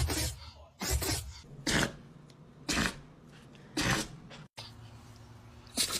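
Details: Dog sneezing repeatedly: about six short, sharp nasal bursts with brief pauses between them; dog sneezing.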